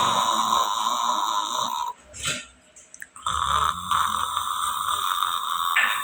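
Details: Cat snoring while asleep, tired after playing.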